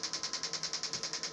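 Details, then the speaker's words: First TMS mapping session for depression treatment, coil over the head: rapid regular clicking about 9–10 pulses a second; transcranial magnetic stimulation pulse train. "For me, we went for about 10 minutes total. Yeah, I don't feel it in my head. I feel it in my jaw more than anything."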